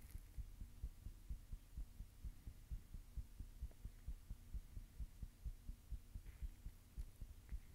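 Steady low thumping heartbeats, fairly regular, at a quick rate around 130 a minute, with a faint background hum.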